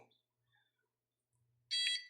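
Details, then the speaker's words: Sharp high-pitched electronic alarm after near silence: Nestlé enteral feeding pump alarming no cassette detected while door sensor is covered with metal during troubleshooting. "So takpan mo lang ng bakal yan tapos i-start mo. Ang iaalarm naman niyan is yung ano guys yung kaset."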